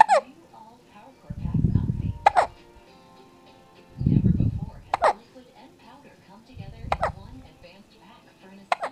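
Five sharp, abrupt hiccup sounds about every two seconds, with soft low breathing sounds between them; hiccups during sleep.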